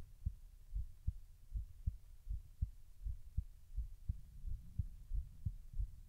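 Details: Own heartbeat recorded while trying to slow the heart rate: steady soft paired beats, about 80 a minute, with low background hum.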